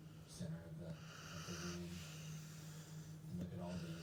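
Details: A dog snoring while asleep with her eyes open: a steady low rumbling snore with a few brief snorting bursts, in a quiet small room.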